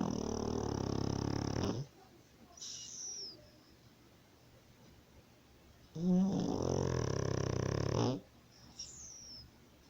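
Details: A dog asleep gives long, loud, rumbling snores about every six seconds, with quieter breaths between them; dog snoring.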